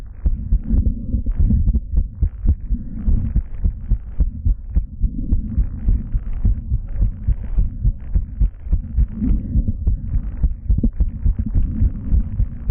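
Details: Live stethoscope auscultation: repeated low heart thumps at about 107 beats a minute under rubbing and handling noise; heart sounds, heard before the bell and diaphragm were used together.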